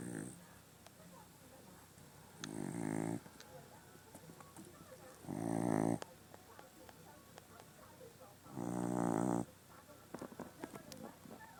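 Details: Sleeping dog snoring loudly: three loud, rattling snores roughly every three seconds, about 20 a minute, with faint room noise.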